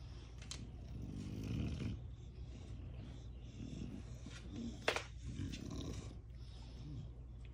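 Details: Snoring from sleeping puppies: low rumbling, snorting breath sounds.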